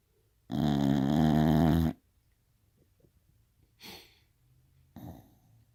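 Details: A female bulldog snoring in her sleep, said to snore like a man: one long, loud, rumbling snore on an in-breath, then two softer snorting breaths.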